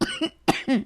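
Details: A cough during a late-night podcast intro recording, where a host says she is losing her voice; cough.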